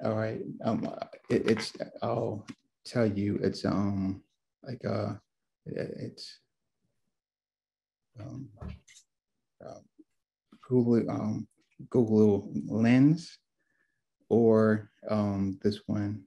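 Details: Adult male stroke survivor, two years after a left-brain stroke with multiple clots, helped by family, friends, community, a class and apps; aphasia (word-finding difficulty).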